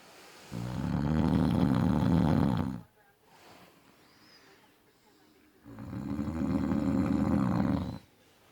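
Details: Adult man snoring in any sleep position (back, side, stomach), day and night: very loud, deep, fluttering snores over two seconds each, about five seconds apart, near 12 breaths a minute; heavy snoring.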